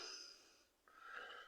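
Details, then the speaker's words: Two short, hissy, whistling inward sniffs through a blocked nose from a person with a cold, stuffy nose and congestion. "my uh voice sounds so funny yeah I got the code stuffy nose and uh just congested and all that stuff"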